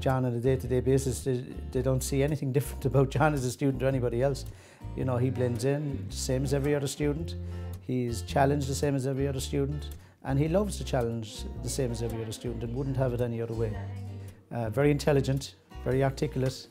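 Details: Adult man speaking; normal speech.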